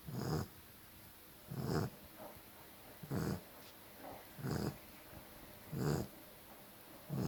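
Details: Regular low rumbling snores, about five in seven seconds, each with a soft whistle on top, in a quiet room; the snoring grew louder after recording; snoring.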